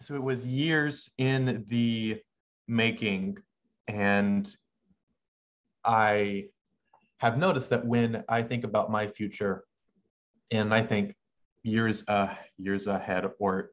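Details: Adult male medical student who has stuttered since about age six, with pauses in his speech he cannot control; stuttering.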